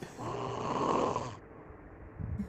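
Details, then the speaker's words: A man snoring at night, recorded by his mother: one long, loud rumbling snore on an in-breath, followed by quieter breathing. "ele mandou no grupo aqui a mãe dele gravou ele roncando quer ver cadê cara o primeiro ronco que ele dá parece que é sacanagem"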